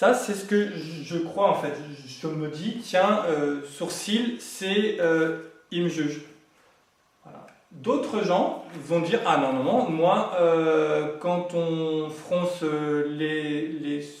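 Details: Adult man, French-speaking, who has grown up with stuttering over several decades and says he now manages to speak through it; finding: stuttering.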